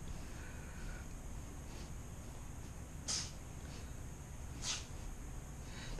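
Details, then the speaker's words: Cat about eight years old sneezing, possibly sensitive to oil paint and turpentine smell: two brief, sharp hissy bursts about a second and a half apart. "I think she's more sensitive to the smell of the paint in the turpentine than I am"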